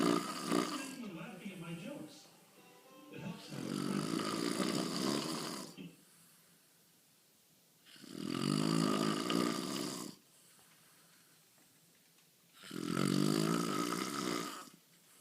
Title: And he claims that he does not snore!